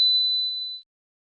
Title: Test your hearing ability | Hearing test | frequency